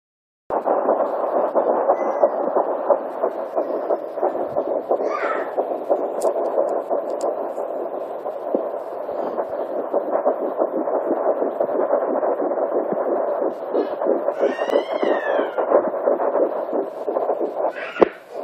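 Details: Handheld Doppler at 9 weeks of pregnancy, the parent's first time hearing their son: rapid whooshing pulses through static at about 176 a minute; fetal heartbeat.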